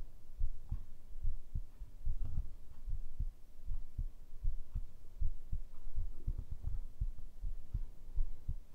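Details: ASMR heartbeat recording, tagged as made with a binaural microphone: steady, low double thumps at about 78 beats a minute with a faint background hum, a normal, regular heartbeat.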